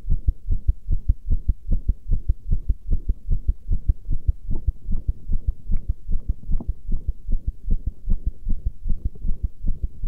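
Strong regular low thumps in quick pairs, roughly 75 beats a minute, with no other sound; a heartbeat.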